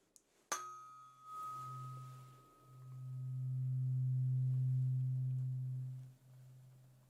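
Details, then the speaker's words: Tuning fork struck for a simulated role-play hearing test: sharp strike, then a steady low humming tone slowly fading while the listener signals when it stops. "the first one will be with a tuning fork which um gives us a really nice like humming sound very gentle sound"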